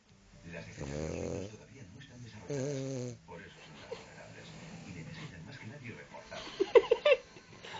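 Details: French bulldog in deep sleep, paws twitching, snoring: two loud, rattling snores, then softer snuffling breaths with brief squeaky sounds.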